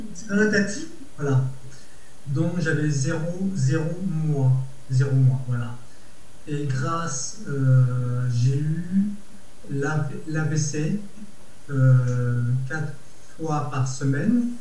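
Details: Adult man with Broca's aphasia after stroke, aphasic since July 2020; he reports improved word finding but persisting grammar impairment; Broca's aphasia.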